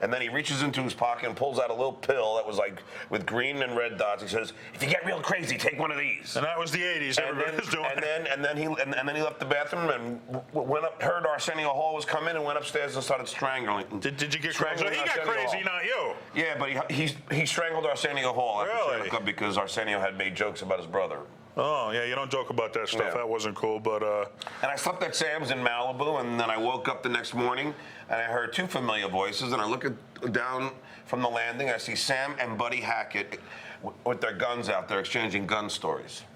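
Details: Adult male comedian who describes himself as a stutterer; word repetitions such as "he he" and "and and"; stuttering.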